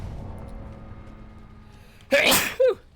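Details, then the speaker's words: A single loud, explosive sneeze with a short voiced tail after quiet room noise, from someone who mentions having allergies. "Or that my allergies render me unable to do much. Which is a possibility, to be honest."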